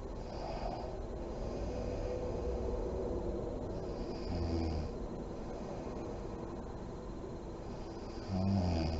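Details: Adult woman (mother) snoring in deep REM sleep with lights on, with deep breathing and lip blowing: steady low rumbling breathing with louder low snore bursts.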